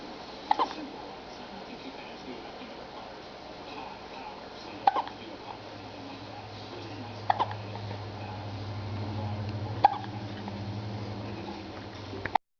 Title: 2 months MVI 0037 ow woo woo & hiccups